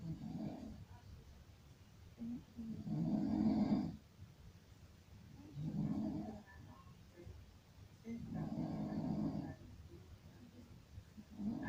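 Deep, growling, rattling snores repeating about every three seconds, with quieter gaps between. Loud snoring.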